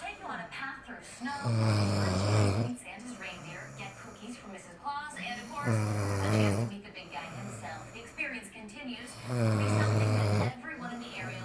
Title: Snores 😂